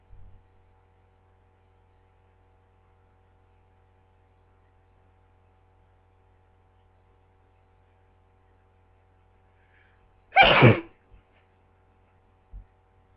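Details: A single sharp, explosive sneeze amid near silence; the person is unsure whether the repeated sneezing is from a cold or allergies.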